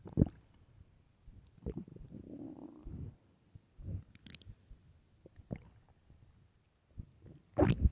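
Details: Loud hunger stomach growling, described as starving: low gurgling rumbles and squelches with a longer drawn-out growl; normal bowel sounds (borborygmi).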